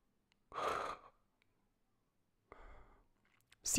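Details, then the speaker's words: Cardiac arrest and CPR teaching: agonal gasping, a brainstem reflex breathing often following hypoxia and a sign of respiratory arrest. Two isolated, abrupt gasping breaths about two seconds apart, with silence between. "qu'est ce que le gaspillage c'est une respiration réflexe du tronc cérébral très souvent suite à l hypoxie qu'est ce que tu entends"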